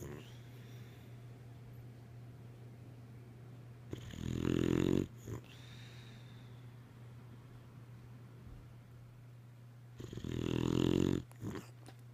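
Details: Two loud, rough, rattling snores about six seconds apart, roughly ten a minute, over a steady low room hum, from a sleeping boxer dog: ordinary snoring.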